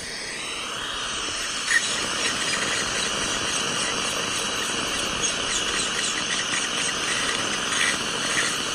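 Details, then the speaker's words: Steady high-pitched whine and hiss of a high-speed dental drill with suction, sectioning a tooth into pieces during extraction; the awake patient reports no pain. "I'm going to go ahead and turn the suction on right now so you're not really going to be able to hear as much what I'm saying"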